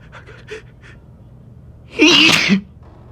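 A few quick breaths, then one loud explosive sneeze.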